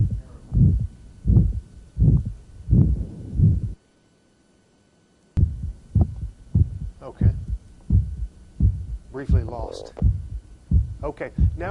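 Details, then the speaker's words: Young man with aortic stenosis: typical aortic stenosis murmur, with the aortic ejection sound sought at the apex. "now this young man has the typical murmur and will have to seek out his ejection soon"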